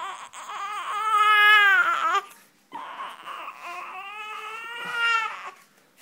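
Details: Infant crying: two long, wavering, high-pitched wails separated by a short pause for breath.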